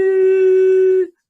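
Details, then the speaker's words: Vocal imitation of tinnitus, described as a loud, often very high-pitched resonating sound: a steady, sustained hummed tone lasting about a second; tinnitus imitation. "et ça permet quand les allées on a les acouphènes on a un son aigu enfin souvent bien aigus qui résonne très fort"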